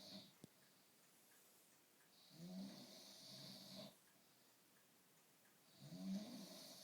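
Soft, rumbling snores on each breath in, with hissing breath sounds, about every three to four seconds. Ordinary snoring.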